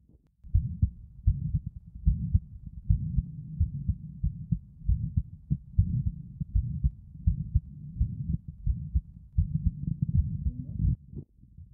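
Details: 11-year-old boy, exertional dyspnea; Thinklabs One digital stethoscope at apex, LLSB, LUSB (stand-squat-stand), RUSB; prolonged, prominent, higher-pitched systolic ejection murmur, louder standing, softer squatting; echo-confirmed hypertrophic cardiomyopathy, 25 mmHg resting LVOT gradient, no significant mitral regurgitation.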